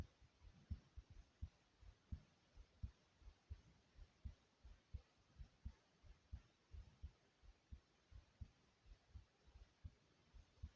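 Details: Own recorded heartbeat, tagged fast: steady, regular paired low thumps at about 85 beats per minute.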